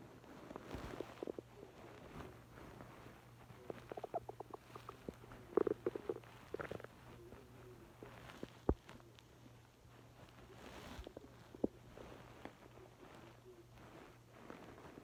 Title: Hungry stomach growling